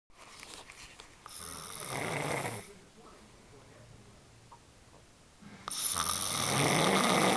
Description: my girlfriend sawing logs shes sexy but there is a price to pay